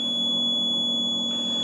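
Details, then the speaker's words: Puritan Bennett 840 mechanical ventilator during the inoperative-ventilation test: its first step activates the audible alarm, a steady high-pitched electronic tone over low machine hum; ventilator audible alarm test. "Entonces la primera prueba es activar la alarma acústica, sí. Le doy sí."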